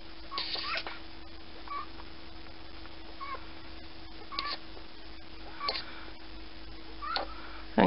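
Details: Pet Zeke sleeping, owner notes noises while asleep and nose clear without mucus; faint high squeaky whistles with each breath, about 40 a minute; wheezing.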